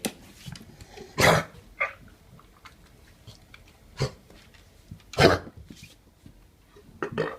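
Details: A dog gives harsh, honking cough bursts separated by quiet pauses, showing the classical symptoms of kennel cough.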